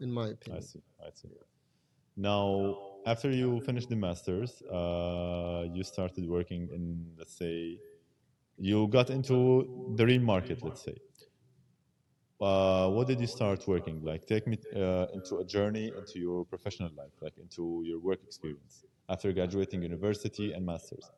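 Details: Adult male speaker; normal speech.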